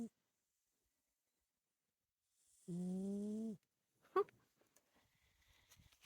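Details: Sleeping cat; a single short, buzzing snore in a quiet room, followed by faint rustling; snoring.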